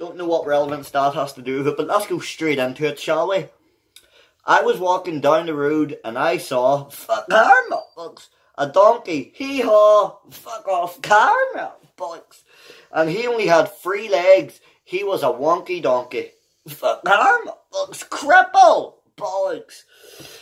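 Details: Real, unedited vocal tics, including vulgar words, in an adult man with Tourette syndrome; the tics interrupt him while he reads a children's book aloud.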